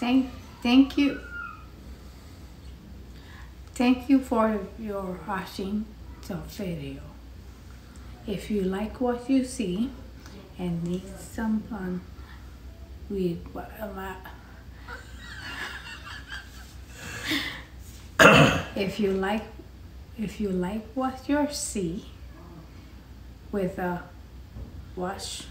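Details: Adult woman with aphasia after a basal ganglia intracerebral hemorrhagic stroke on Thanksgiving Day 2019, struggling to get out intended words and repeating words haltingly; non-fluent aphasia with apraxia of speech.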